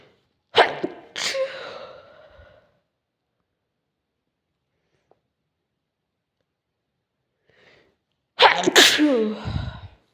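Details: Three sharp sneezes, two close together then a pause and a louder third with a voiced trailing sound; sneezing.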